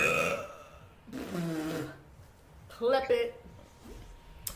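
A loud, drawn-out voiced belch, then a brief second vocal burst, with quiet room noise.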